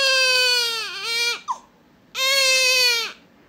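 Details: Newborn baby crying: two strong, high-pitched cry bursts, each over a second long, separated by a quick catch-breath and pause, while an adult soothes the baby.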